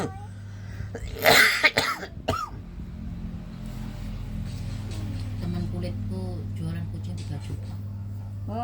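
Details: Adult with an ongoing cough: a few loud, harsh coughs followed by room hum and faint background talk.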